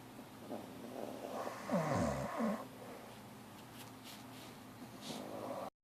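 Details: Two sleeping pets snoring: soft snoring and a snort-like breath over steady room noise.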